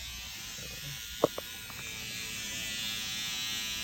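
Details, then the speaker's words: Steady high buzzing motor of a SkinPen microneedling pen with brief clicks, on a dermatologist's neck after his own PRP was painted on, to tighten skin. "So she's tightening my neck right now. These are microneedlings in the neck."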